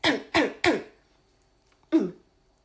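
Four abrupt, forceful throat-clearing bursts in quick succession, fitting a repetitive vocal tic of Tourette syndrome.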